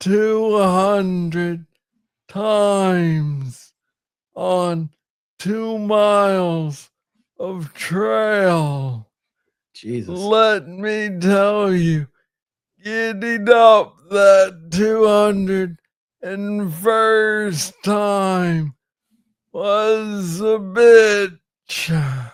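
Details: Adult man with Parkinson's disease diagnosed in 2014 at about age 35, first misread as tennis elbow; slow speech from hypokinetic dysarthria.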